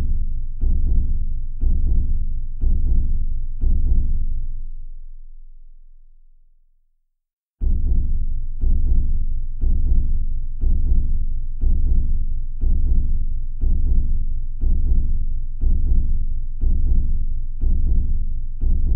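Steady, deep heartbeat thumps at about 60 a minute, with a fade to silence before resuming.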